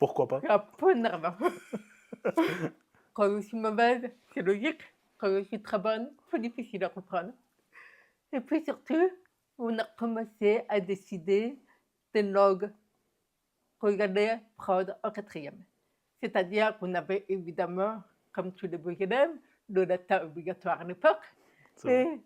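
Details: Deaf speech of a woman diagnosed deaf at 9 months, when doctors said she would never speak; she has never heard her own voice and learned to speak through about 20 years of speech therapy.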